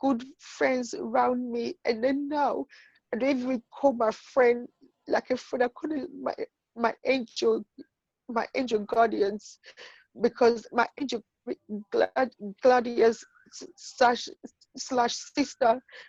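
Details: Adult woman with intracranial hypertension and sight loss who says she stutters and finds known words such as "book" hard to say because of her condition; stuttering.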